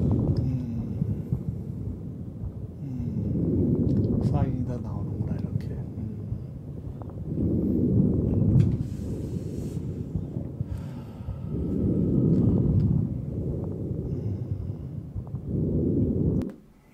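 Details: Normal breath sounds recorded with a smart digital stethoscope placed on the chest: slow rhythmic rushing breathing, about four breaths heard, with some rubbing noise.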